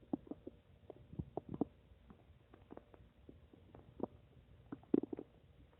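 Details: Person's stomach: quiet irregular gurgles, pops and bubbling clicks from gas and fluid moving through the gut; stomach rumbling (borborygmi).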